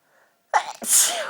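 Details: A soft intake of breath followed by a single sharp, explosive sneeze, from an adult sneezing due to dust allergy while talking.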